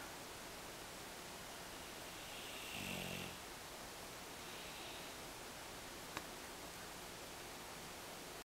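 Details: One rumbling snore from a sleeping English Bulldog, with a fainter breath sound after it, over steady room hiss.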